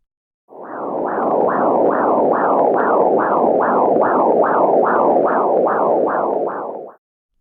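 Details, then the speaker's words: Fetal blood flow on a handheld fetal Doppler during pregnancy: rapid, regular whooshing pulses about 140 a minute, much faster than the mother's pulse. "here is the sound of fetal blood flow it is a much faster pulse than yours"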